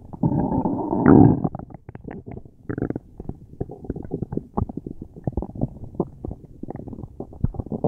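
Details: Loud bowel sounds from a person with a tummy ache: a loud gurgling rumble followed by a long run of bubbling, clicking gut noises; borborygmi.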